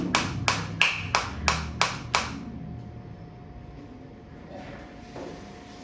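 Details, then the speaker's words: Seven sharp, evenly spaced snapping pulses about three a second, then a faint steady tone, from a focused shockwave applicator as frequency is raised from 120 through 150 to 180; focused shockwave applicator firing. "Frequency में आपको change आता दिख रहा है। Sound के साथ भी पता चल रहा है।"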